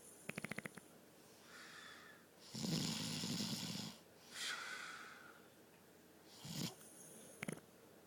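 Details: Irregular snoring during sleep, with loud rough snorts, whistling airy breaths and brief clicking sputters between them, against quiet room hiss: snoring.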